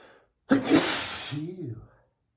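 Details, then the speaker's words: Adult man sneezing after spraying perfume under his nose, saying he is very allergic to perfume: a single loud, forceful sneeze with a brief voiced trailing sound. "Sometimes I get tired of sneezing so much. I guess I should try to avoid spraying perfume right under my nose. That would help."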